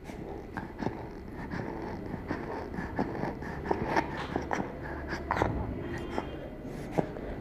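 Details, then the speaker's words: Child assessed in a WHO IMCI stridor training exercise: noisy breathing with faint whistling on breathing out, expiratory wheeze, not stridor, which is a harsh sound on breathing in. "we heard a wheezing sound when breathing out therefore we decided that did not have stride or"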